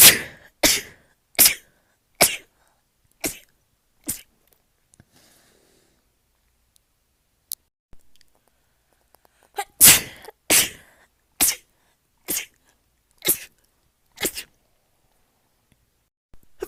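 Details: Rapid sneezing from a compilation: two runs of about seven and eight sharp, explosive sneezes, under a second apart, with a quiet pause between runs.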